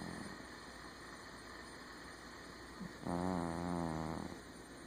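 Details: A sleeping cat gives one drawn-out, buzzing, fluttering breath over steady room hum; cat snoring.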